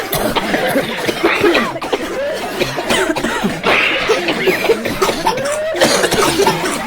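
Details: Passengers coughing inside an Amtrak train: several short coughs mixed with background chatter and train noise.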